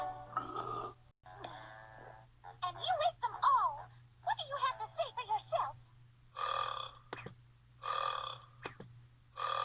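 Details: Repeated burping: several drawn-out, throaty belches, some rising and falling in pitch, over a steady low hum.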